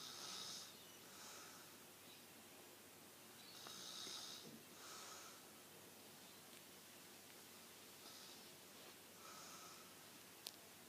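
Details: A sleeping person snoring in a quiet room: slow, irregular, hissing noisy breaths with a snort-like rattle, about 16 per minute.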